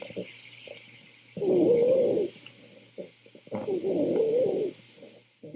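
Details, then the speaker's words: Rhonchi: low, loud, continuous snore-like rumbling sounds through the breath cycle, more prominent on exhalation than inhalation. "and then there's a certain kind of wheeze that is called a roncus or the plural is ronchi that sounds more like a snore so it's continuous and it's still on exhalation more than inhalation but it's a louder lower sound like a snore"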